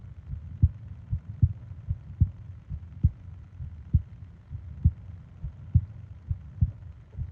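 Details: Normal heartbeat: soft, steady paired thumps at about 67 beats a minute over a low background hum, from a 20-minute ASMR sleep-aid recording of heart and breathing sounds.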